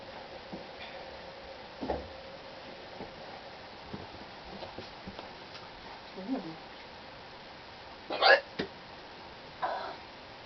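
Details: Hiccups that started suddenly while cleaning a room, with laughing and exclamations between them; hiccups.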